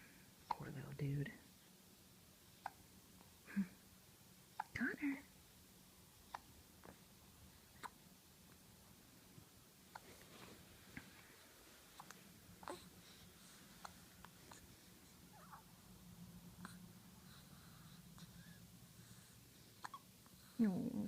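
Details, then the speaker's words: Soft, brief, repeated hiccup clicks and small catches with a few grunts from an infant, smaller than his usual hiccups; ordinary infant hiccups persisting after being moved. "you getting hiccups again? Yep, some little hiccups. Now, if these are little hiccups for you, normally you get the big ones."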